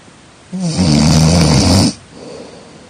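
One loud, rough, rattling snore lasting over a second on an in-breath, followed by a quieter breath out.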